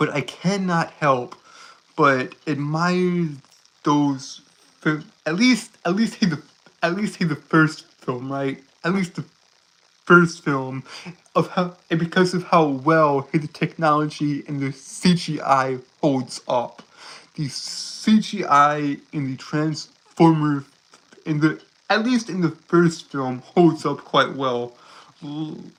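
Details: Stuttering in a male streamer with a self-reported speech impediment that makes him stutter and trip over his words.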